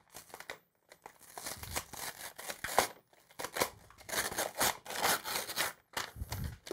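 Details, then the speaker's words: Sterile blood culture pack opened slowly before taking a blood culture in a sterile manner; the pack tears. Crinkling and tearing of paper packaging in a quiet room. "i'm going to open up my sterile pack open it slowly they sometimes tear if they do tear it's not a big problem"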